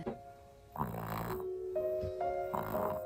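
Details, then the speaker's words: A Chihuahua being petted gives two short bursts of low, rattling, pig-like snorting over background music. "撫でると豚とかスイヌワはあるある。"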